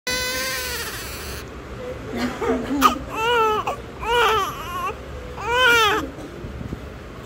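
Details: A parent's own newborn crying for the first time: a long wail, then several shorter rising-falling cry bursts against faint room noise; newborn cry.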